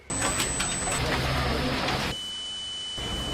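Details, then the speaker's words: Simulated tinnitus: a steady high-pitched whistle over buzzing, crackling noise, then a lower continuous tone. It represents the permanent tinnitus of a 21-year-old, present for 5.5 years after acoustic trauma from amplified sound. "Si oui, alors tu as déjà eu des acouphènes. Et le silence rend plus fort mes acouphènes."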